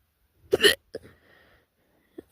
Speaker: Got the hiccups again. God damn it.